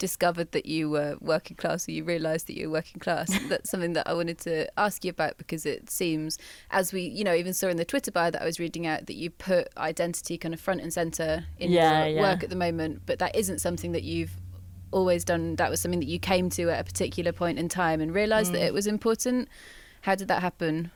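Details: Adult woman speaking; normal fluent speech.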